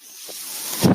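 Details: Real recording: the speaker's own mechanical ventilator heard as he talks, a soft airy hiss building over about a second and ending in a louder whoosh as it delivers a breath. Mechanical ventilator breathing cycle.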